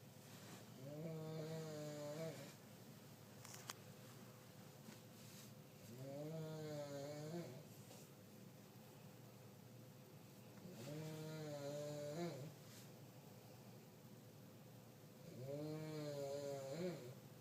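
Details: Elderly woman (grandma) snoring in sleep: regular rattling snores on each in-breath, about 12 a minute, with quiet pauses between; ordinary upper-airway snoring.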